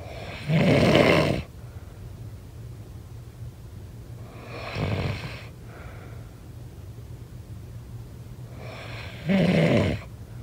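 Three loud, rough snores about four seconds apart, with a softer breath between them, over a low steady room hum; ordinary snoring.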